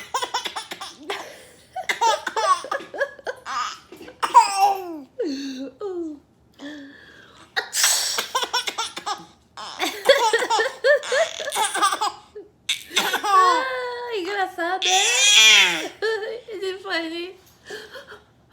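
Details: Mother pretends to sneeze several times with sharp sneeze bursts, and each is followed by loud giggling and belly laughs from a baby.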